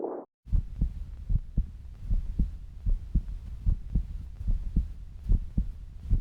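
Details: Heartbeat, possibly fetal or maternal: a steady, regular low thumping with a soft background hum.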